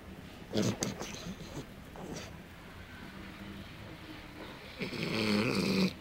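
Rough, irregular snorting breaths with a louder snore near the end, over background noise; a dog snoring.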